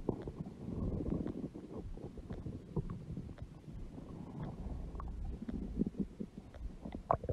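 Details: A huge belly with stomach growling (borborygmi): low, continuous bubbling and gurgling with scattered small pops, like gas moving through the gut.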